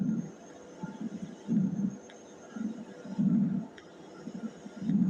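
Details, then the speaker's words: Crackles (crepitations) heard by stethoscope, an abnormal breath sound that can be early, mid or late inspiratory or biphasic: rhythmic breath cycles with rough popping bursts on each breath. "Next जो है crackle यानी कि सको हम क्रिप्टस sound कहते हैं यह भी एक एब नॉर्मल साउंड है"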